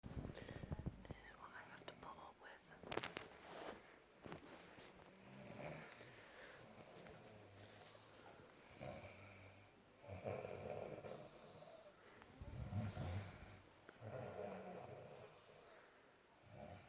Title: WOMAN SNORING LIKE A MAN!!!!